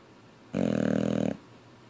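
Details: Sleeping Boxer dog with flapping jowls: one loud, fluttering, vibrating snore lasting under a second, with quiet breathing around it; snoring.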